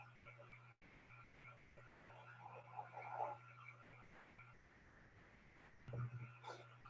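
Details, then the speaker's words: Pug snoring while asleep; said to snore about 18 hours a day. "you can hear snoring that's gertie the pug"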